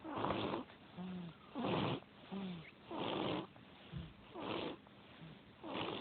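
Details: Someone sleeping and snoring loudly, like a bear; steady, rhythmic snoring at about 20 breaths a minute, with rough, noisy breaths and brief whistling nasal tones between them.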